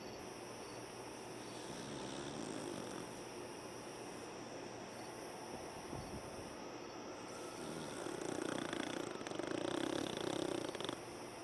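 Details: Soft, rough snoring from a sleeping beagle, swelling on a few breaths over steady room noise.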